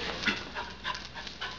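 Rapid, breathy in-and-out puffs from a dog, about five in under two seconds: panting.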